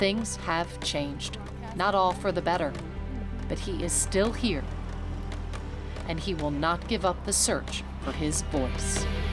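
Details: Adult female narrator; normal speech.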